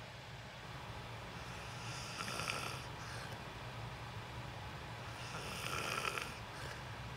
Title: 💚 Watch me sleep #29: 😭💦 An Apologetic Slumber 😪😴 Loud Thicc Snoring 💤 Lucid REM sleeping ASMR